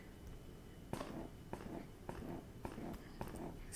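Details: Quick rhythmic mechanical pulses, about 107 a minute, over a soft motor hum: an Ardo Alyssa electric breast pump in massage mode, stepping down through its cycle settings from 8.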